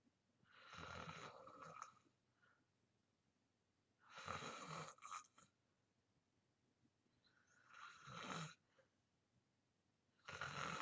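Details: Person filming themselves in deep sleep for white-noise ASMR; rough, fluttering snores on each breath, about 20 a minute, over a soft background hiss; snoring.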